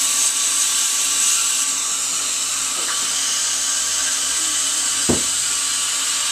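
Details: High-speed dental drill with air and water spray preparing a tooth for a bonded white filling; steady high-pitched hiss and whine.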